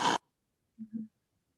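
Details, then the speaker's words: Brief, low, rattling snort through an open mouth: an imitated mouth snore from soft-palate vibration, demonstrated by an adult man in a breathing-education talk; snoring. "i'd like you to make the sound of a snore through your mouth and to do this you'll typically go like this"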